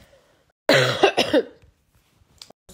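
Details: Adult woman (celebrity) coughing during an asthma flare-up while eating wax candy on a livestream, says she is very sick and uses a nebulizer; harsh voiced cough run of about three bursts, then a pause before speech.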